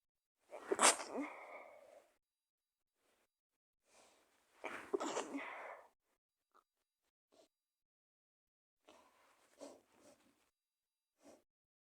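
Two forceful sneezes followed by softer sniffs and small breathy bursts; sneezing with a cold.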